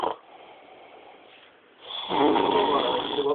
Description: ...so wird geschnarcht!